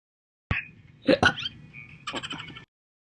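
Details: Loud human hiccups from earlier years (2018 and 2021), with some slow hiccups deliberately added by the person: several abrupt, sharp gulping sounds with a brief voiced catch, some closely spaced.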